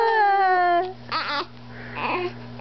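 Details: Baby with hiccups crying in short, fussy bursts with a steady hum in the room; infant cry.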